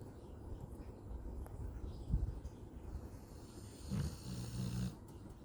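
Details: 9-year-old male husky asleep on the couch snoring: low, rumbling breathing noises with a soft snorting quality.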